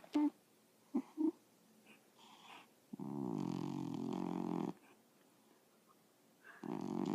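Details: Dog asleep: a long fluttering, rattling snore, with quieter snorts and breath noises around it; snoring.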